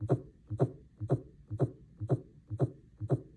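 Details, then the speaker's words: Rapid, regular lub-dub heart sounds at about 120 beats per minute, over 100 per minute: tachycardia. "this is your normal tacac cardia is a heart rate over 100 beats per minute sometimes it can be reactions to outside influences like caffeine or being scared"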